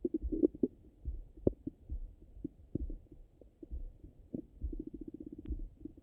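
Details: Irregular gurgling and bubbling with short low rumbles and clicks from the stomach after breakfast; active bowel sounds, a normal finding.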